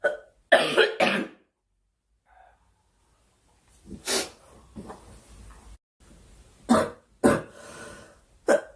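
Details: Girl coughing during a live stream, wishing aloud for the cough to stop: several separate dry coughs in short bursts with quiet gaps, faint background noise; repeated cough.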